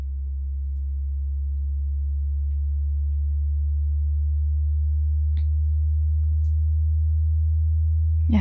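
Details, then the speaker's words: Simulated audiologist role-play hearing test: steady low pure audiometer tone held several seconds; listener asked to signal when the sound stops being heard. "I will play a sound for you this sound is different for everybody and the reason it's different is because the frequency affects each person differently according to their age"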